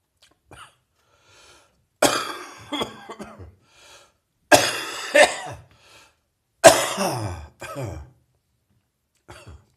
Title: Post-Chest Cold Morning Cough